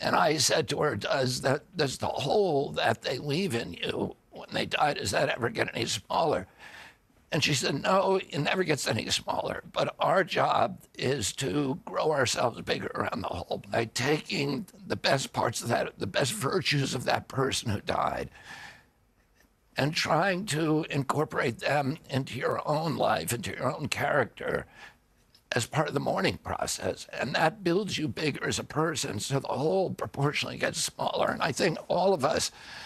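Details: Adult man with spasmodic dystonia that began at age 42 in 1996, caused by an injury (neurological disorder); his voice was very strong before onset. Finding: spasmodic dysphonia.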